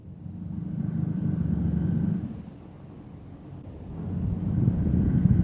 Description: Asiatic bear, Inca, is heard snoring her head off!